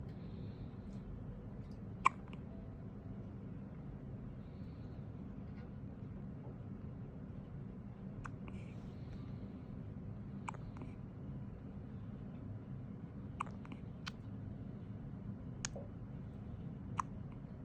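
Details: Ordinary hiccups: soft, sharp hiccup sounds recurring irregularly, about eight over eighteen seconds, in a quiet room.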